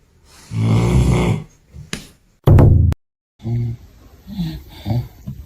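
Loud low rattling snores with shorter snorts and a sharp burst between them; a dog snoring.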